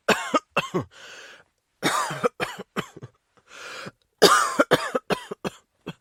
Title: Cough Sound